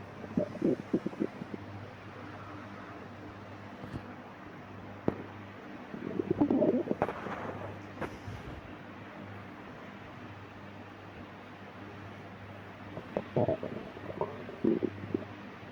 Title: stomach growling in the midnight